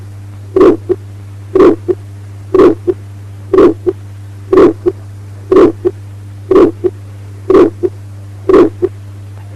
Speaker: Innocent systolic murmur in pulmonary area, a short ejection systolic murmur.